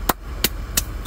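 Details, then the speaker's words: Finger joints cracked deliberately: three sharp, brief pops as gas bubbles in the fluid between separated joint surfaces collapse, then the joints come back together. This is harmless knuckle cracking (joint cavitation) if there is no pain. "احنا لما نطق الاصبع شوف في صوت هذا صوت الفقاعات لما نطقهم الفقاعات شنو راح يفشون وتسمع الصوت وبعدها المفاصل يردون مع بعض"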